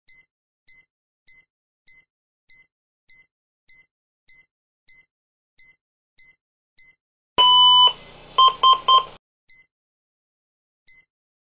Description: Pacing threshold